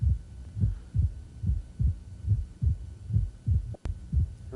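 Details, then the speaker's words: Rheumatic mitral disease, stethoscope just inside the apex: regular low heart sounds with a sharp early diastolic opening snap after the second sound. "then we turn the stethoscope over move inside the apex setup so we hear the opening snap of rheumatic mitral disease"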